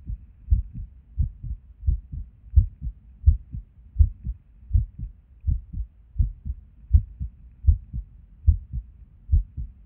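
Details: Resting heartbeat recorded at Erb's point while sitting at a desk: soft low heart sounds at about 80 beats a minute with uneven spacing between some beats, an irregular heartbeat with skipped or early beats.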